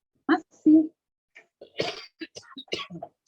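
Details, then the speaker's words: Adult coughing during an online meeting; two short cough bursts, then brief throat-clearing or speech-like sounds; plain cough. "Batuk-batuknya kedengaran ya Bu Al ya?"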